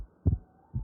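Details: Paediatric heart auscultation teaching example: low stethoscope heart thumps with a faint steady hum between beats, used to judge whether diastole is silent, since a diastolic murmur is pathological until proven otherwise; heart sounds.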